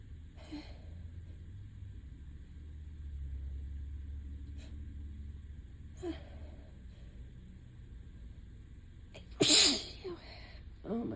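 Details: Several wet sneezes, loudest near the end, quiet room between; allergic sneezing attributed to ragweed allergy, with voice mostly lost.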